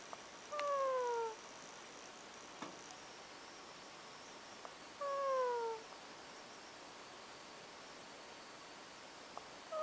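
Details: Two pet prairie dogs sleeping together under a blanket in their cage, sound attributed to one: thin, falling whistle-like squeak about every four to five seconds, around 13 a minute, over room hiss; snoring.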